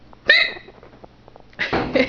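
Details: Hiccups in a person who has them, recorded just before trying a glass of water drunk through a paper towel: a sudden sharp, squeaky gulp followed by a quieter catch of breath.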